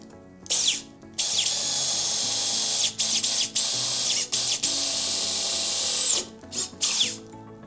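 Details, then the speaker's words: Mock ACL reconstruction on a bone model: loud high-pitched drill whine in repeated bursts with brief pauses while drilling the tibial tunnel through a pilot hole set with an ACL drill guide; surgical bone drilling. "use these very specialized acl drill guides to find the point where we would want this acl to come out within the knee and creating a pilot hole just like we did on the femur that we then drill a tunnel"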